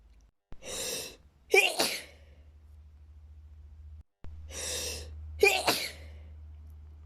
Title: SUPER intense sneezing fit